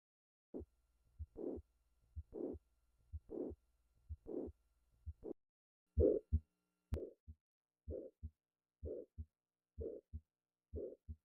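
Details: Simulated heart sounds at about 60 a minute, mitral valve prolapse: several midsystolic clicks introduce a short high-frequency late systolic murmur crescendoing into the second sound; early systole silent.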